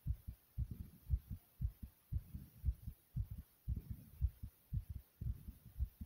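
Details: Strong, fairly fast heartbeat, the person's own, described as pounding loud: regular, deep, muffled thumps at about 115 beats a minute.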